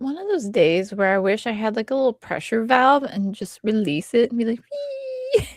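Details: Adult speaker; Normal conversational speech.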